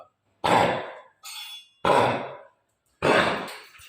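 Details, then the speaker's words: Indian Spitz dog with kennel cough (infectious tracheobronchitis): repeated harsh, dry, honking coughs, the characteristic sound of kennel cough. "जैसा कि आपने video में देखा कि हमने एक इंडियन स्पिट्स डॉग में कैनल कफ के साउंड्स प्रॉपर जो उसमें इंडिकेशन दिखाई दे रहा है जो उसके कैरेक्टरिस्टिक साउंड होता है कैनल कप का वो हमने आपको वीडियो में दिखाने की कोशिश की है"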